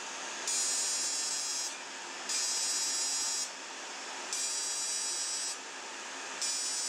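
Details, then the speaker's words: Fractional CO2 laser (DeepFX handpiece) at energy reduced to 15 mJ, treating the chin and nose of a type IV dark-skinned acne-scar patient: repeated second-long hissing buzz bursts over steady cooling airflow as the laser fires. "So one shot here immediately the second one and there's no risk to hit the eyes."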